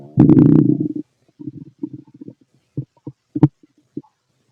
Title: Fit male stomach growls